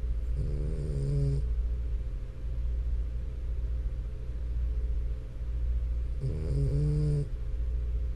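Low, droning snores from a sleeping dog, a long rattle on each breath in, over steady room hum.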